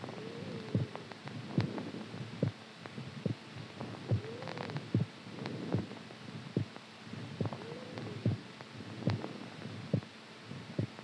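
Steady, soft, thudding heartbeat at about 70 beats a minute over a low hum, a normal resting rhythm.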